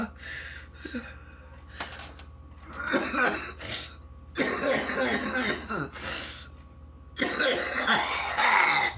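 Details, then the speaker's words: Harsh irritant coughing bouts with throat clearing and heavy breaths between, right after a big bong hit of cannabis smoke; runny nose, breath gradually recovering. "this is going to be like a like a we cough video cuz I just hit a mass of bong and I'm coming like a [ __ ]"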